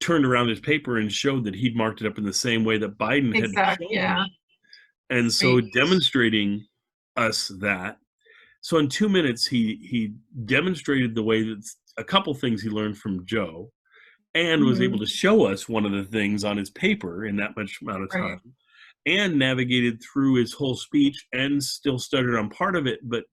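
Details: Adult man speaking; ordinary speech.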